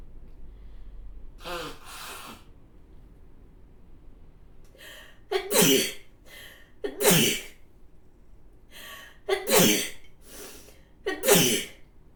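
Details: Repeated non-stop sneezing: four loud sneezes in quick succession, each preceded by a sharp gasping inhale.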